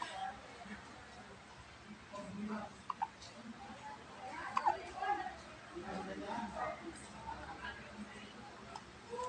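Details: Infant hiccupping after drinking milk; hiccups.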